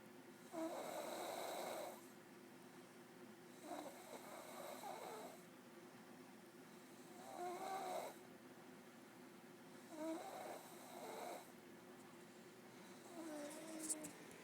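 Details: In deep sleep, soft rattling snores come with each breath in, about five in 14 seconds, against steady room hum, which is quiet rhythmic snoring.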